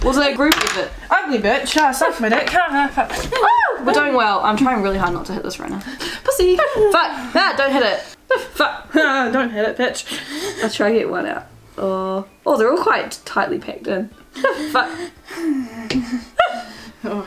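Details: Young adult female speaker; Vocal tics with coprolalia (Tourette syndrome).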